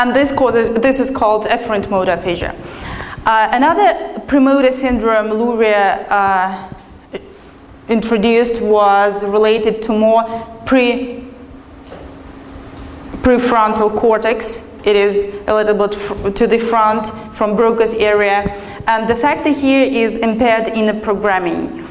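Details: Adult woman speaking; normal speech.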